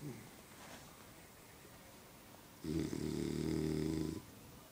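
One long, buzzing, rattly inward breath about a second and a half long over quiet background noise, a dog snoring.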